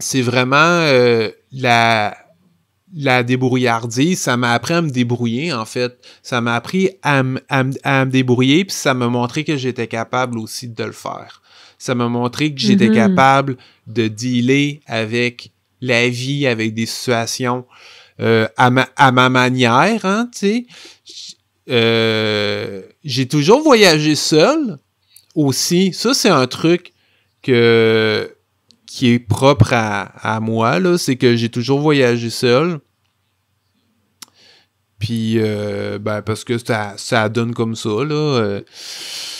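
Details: Stuttering in an adult man who stutters.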